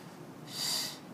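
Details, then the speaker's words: Manual resuscitation (Ambu) bag connected to a tracheostomy giving five hyperoxygenating breaths at 15 L oxygen, FiO2 100%, after suctioning in a teaching demonstration. "they're not full of Gunk so I can grab my amboo bag connect it five breaths 15 L F2 100% 3"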